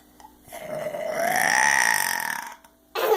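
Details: A single long, loud, voiced burp lasting about two seconds from a young girl; a real, ordinary belch.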